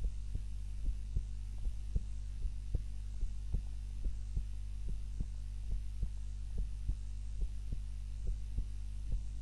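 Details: Normal heart sounds during an afternoon nap, self-recorded on a timer while lying on the back (usually prone): soft regular low thumps at about 72 beats a minute over a steady low hum.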